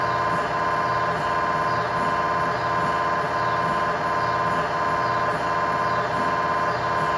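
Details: MRI scanner noise recorded inside the scan room of a 1.5T or 3T system during an imaging sequence: loud, steady buzzing hum with fast regular pulsing throughout, normal scanner sequence noise.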